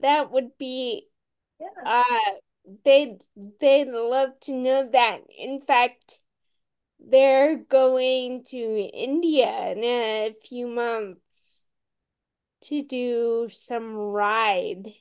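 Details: Ataxic dysarthria in a woman with Friedreich's ataxia, a rare, genetic, progressive disease, diagnosed around age 16 in 1990 with genetic confirmation around 1999-2000; real speech, and she reports voice issues.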